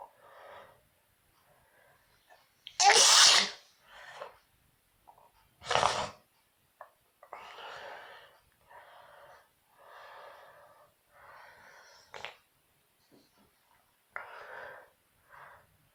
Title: Sneezing self induce